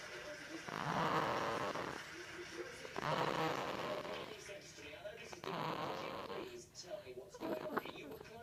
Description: Baby snoring, sound like the grudge!